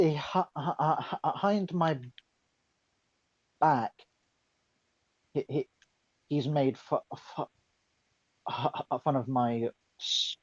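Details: Stuttering in a woman who says she is mocked for her stutter; it is described as her speech impediment.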